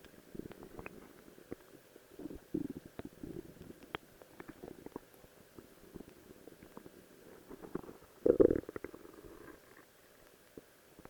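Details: Soft gurgles and squelches with a louder rumbling burst near the end, a person's own stomach growling from gas and fluid moving through the gut, recorded while wearing a cosplay outfit; borborygmi.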